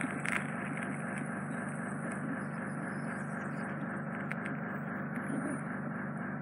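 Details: Endoscopic ear microsuction with a fine-end 18-gauge tip, removing residual impacted wax off a man's eardrum through a slightly narrow canal entrance; steady loud rushing suction with faint crackles and scraping as wax is drawn up.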